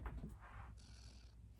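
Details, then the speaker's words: Snore-like, low rattling breathing from a child with mucus built up in the airway, heard just before suctioning: congested, rattly breathing from secretions. "Sounds like he's snoring. I'm gonna suction, so if you don't like that sound of suctioning mucus, turn your volume down."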